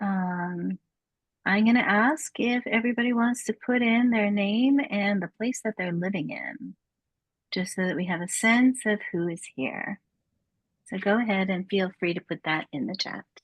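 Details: Adult woman speaking; ordinary speech.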